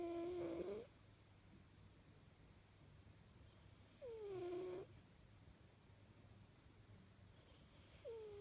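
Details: British Shorthair cat snoring while asleep: short whistling, squeaky snores with long quiet gaps, about 15 breaths a minute, over faint room hum.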